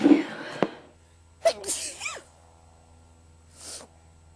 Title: Nose blowing and a couple of sneezes